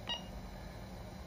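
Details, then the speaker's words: Breas Vivo 65 home ventilator with a valveless circuit and external leak port: a single short electronic beep over quiet room noise as the power button is held to stop treatment; ventilator power-off beep. "if you want to turn off the display completely and turn it off of standby mode you just press the power button again and that powers off your ventilator"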